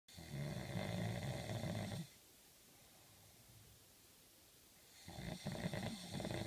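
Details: Student in London, UK, snoring: two loud, rattling snoring breaths with a quiet pause between.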